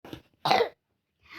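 A child coughs: a soft short burst, then a louder explosive one, with another starting as the clip ends.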